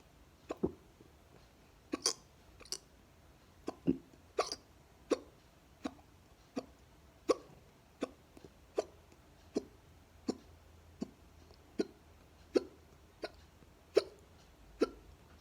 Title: Upclose neck hiccups